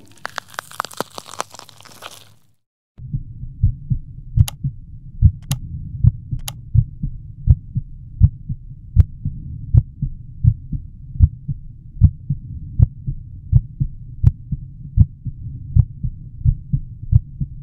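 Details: Regular low-pitched lub-dub heartbeat at about 80 beats a minute with normal first and second heart sounds: normal heart sounds.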